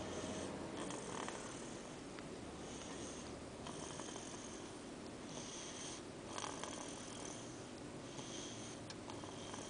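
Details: Hutch, a small sleeping pet, snoring very faintly and softly, nearly buried under steady room hiss, with gentle repeated breathing noises; snoring.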